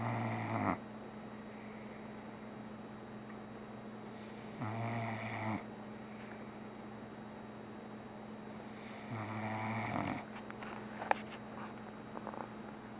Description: My son's dog snoring on his pillow in Asheville NC .